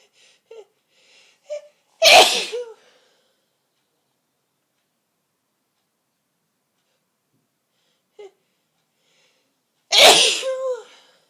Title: Forceful Sneezes with buildup